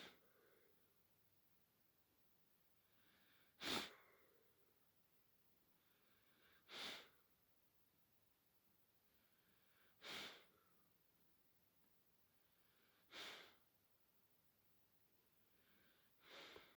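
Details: 6-month-old puppy with kennel cough gives five sharp, dry, sneeze-like coughs about three seconds apart.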